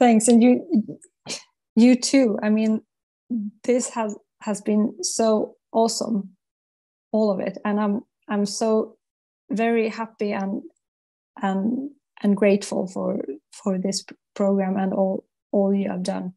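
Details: Adult woman psychologist who stutters, a former client of a stuttering coaching program, with word repetitions such as repeated short words; stuttering.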